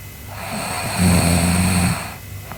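One low, rough rattling snore on an in-breath, with a faint steady tone in the background.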